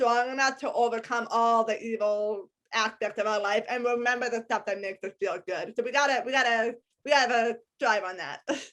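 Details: Adult woman with a lifelong disability and a lifelong speech impediment despite extensive speech therapy; speech impediment.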